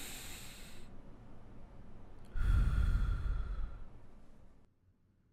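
A single deep breath is drawn in over about two seconds, with low rustling from handling, during a chest expansion check at the lung tops.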